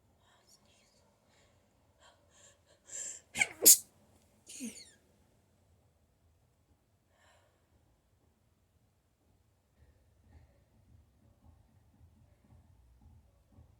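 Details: Person with allergies sneezing: a quick inhaled build-up, then two sharp sneezes and a short follow-up burst, followed by quiet breathing; allergic sneezing.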